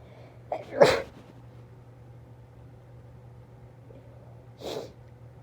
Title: Induced stuck sneezes